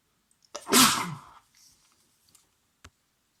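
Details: Adult male with a cold, at home: one loud, wet, explosive sneeze with a short breath beforehand, then quiet sniffing; sneezing during a cold.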